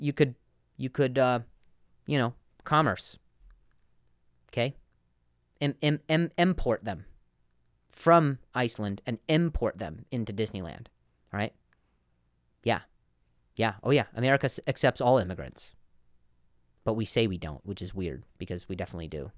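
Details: Adult male comedian who has stuttered for a long time and still sometimes does; word repetitions in this stretch; stuttering.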